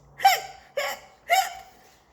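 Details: Three exaggerated voiced hiccups in quick succession, acted for a skeleton character during a read-aloud of a children's picture book; simulated cartoon hiccup imitation.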